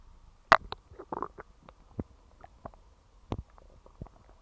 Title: Stomach growls